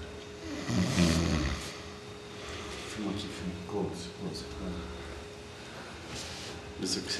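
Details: Adult who dozed off at a 2009 reunion party: low rumbling snores with breathing noise, against a steady hum and faint background voices; snoring.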